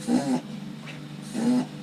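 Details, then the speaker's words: Two loud, rough, snorting-wheezy breaths from a dog in a small room: a reverse-sneezing-like noisy breathing episode the owner attributes to asthma, sometimes brought on by excitement; he recovers after about 30 seconds. "and does that every now and again. I guess that's asthma. Sometimes he gets too excited, and that ends up also."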